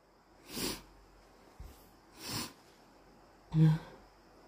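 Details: Induced sneezes on a very snotty, congested morning, with nose blowing: three short nasal bursts and a faint snort in a quiet room, the last loudest.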